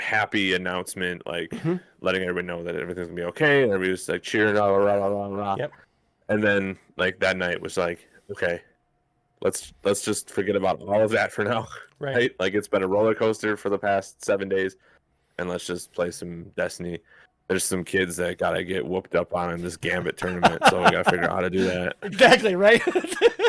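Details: Adult man speaking; ordinary speech.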